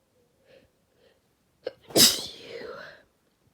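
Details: (F) Deliberately induced sneeze: soft lead-in breaths, then one sharp, hissing sneeze with a trailing voiced tail.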